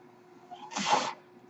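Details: A brief airy whoosh of airflow rises and fades over a steady low hum between spoken phrases: one mechanical ventilator breath cycle from the male podcast host's own ventilator, recorded in real life.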